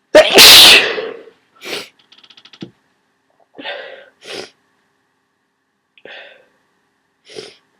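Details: Person with a cold: one loud, forceful sneeze followed by sniffs and short breathy aftersounds.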